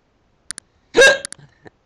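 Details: Single sudden, sharp voiced hiccup with small clicks around it, recorded while the person talks during a bout of hiccups.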